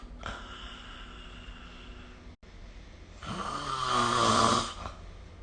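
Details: A faint breath, then a loud, rattling, vibrating inhalation lasting over a second, recorded during sleep with the SnoreLab app; snoring.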